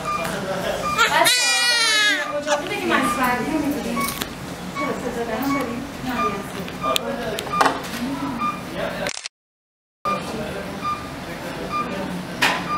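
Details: Newborn baby girl one minute after birth: loud high-pitched wailing first cry, then softer whimpering amid room noise and voices; a normal newborn cry.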